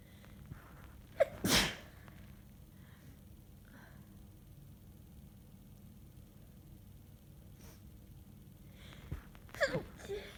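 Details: Sneezing fit from a bad head cold: two explosive sneezes, each preceded by a sharp inward breath, separated by quiet.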